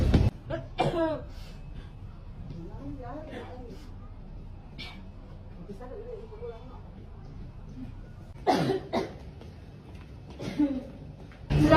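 About six sharp, loud coughs in two clusters, separated by quieter murmuring voices and room noise.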